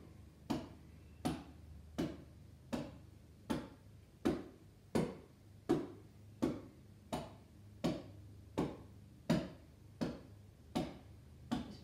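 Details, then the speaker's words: Chest physiotherapy demonstration: steady hollow claps at about 1–2 per second (about 80 a minute) from a cupped hand with a floppy wrist over a t-shirt and blanket, about five minutes each side, loosening lung secretions. Chest percussion. "we're just going to have a nice cupped hand and a nice one to two beads per minute per second"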